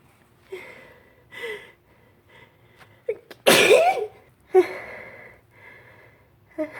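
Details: Several short catching breaths build to one loud, forceful sneeze, then breathy sighs, on a windy March day; the person suspects pollen in their long hair and says wind makes it worse. Spring allergy (allergic rhinitis) sneeze.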